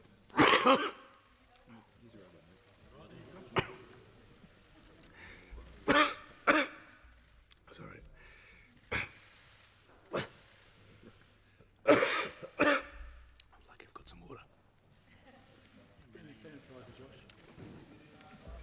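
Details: Adult man, Australian Treasurer, coughs in about nine harsh, separate bursts with throat clearing between them, pausing his economic address to parliament and briefly losing his voice; he later tested negative for Covid-19; coughing fit.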